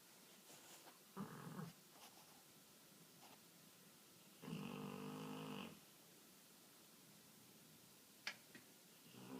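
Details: Sleeping dog snoring: two rumbling, snorting breaths with quiet pauses between and a few faint clicks; loud dog snoring.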